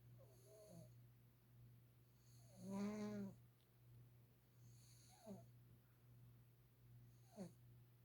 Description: Mr. Beavis the cat sleeping and snoring very loudly.